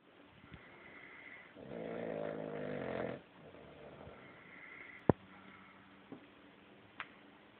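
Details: Bulldog: a long, buzzing, rattling breath followed by softer snorting breaths; snoring.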